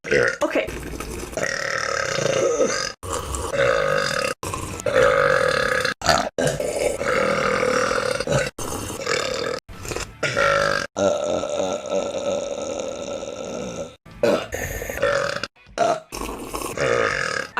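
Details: Long, loud, drawn-out burps one after another, edited together; burping compilation.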